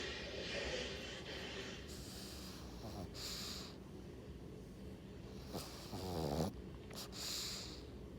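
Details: Female pug snoring while sleeping; she snores a lot.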